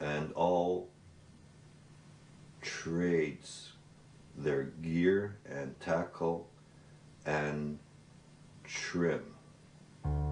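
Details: Man who has stuttered since he began speaking, with repetitions and broken phrases; lifelong developmental stuttering.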